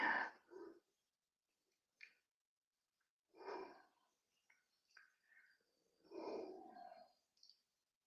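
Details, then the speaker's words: Dog snoring while lying right up against the owner. "Can you hear her snoring behi beside me? Yes. Yes. Exactly."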